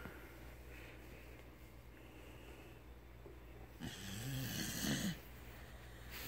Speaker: I'm trying to capture snoring very loudly.